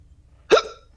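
A single abrupt, voiced gulping sound with a quick fade over quiet room noise, typical of a hiccup.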